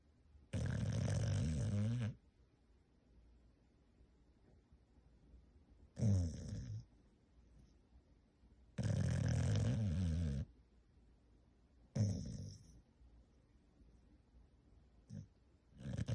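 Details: Sleeping adoptable female rescue dog: loud, low rumbling snores alternating long and shorter breaths, roughly 10–12 a minute, with quiet room noise between; snoring.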